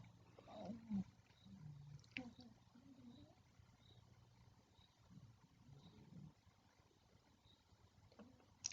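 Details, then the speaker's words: Low, rumbling snoring from two dogs lying on a sofa, in irregular bursts against quiet room noise. "so if you can hear terrible snoring in the background it's my both of my dogs they're both lying here next to me on the sofa snoring their heads off"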